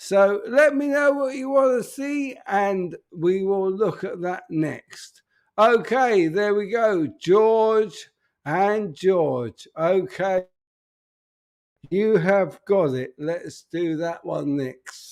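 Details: Adult man with an upper motor neuron disorder affecting speech, progressively more evident and currently worse; real, unacted live speech showing upper motor neuron dysarthria.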